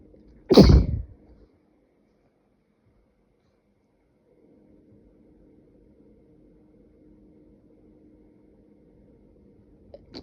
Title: Spray Sneezes